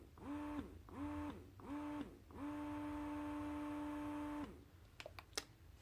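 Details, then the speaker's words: Baby Buddha electric breast pump connected directly to open-system Freemie cup tubing: a steady motor hum in rising and falling cycles, three short pulses then one long hold, drawing suction. Electric breast pump running. "you have the free me free me tubing nothing special just hook that friend--my tubing directly into the Buddha peace and it'll still suck okay"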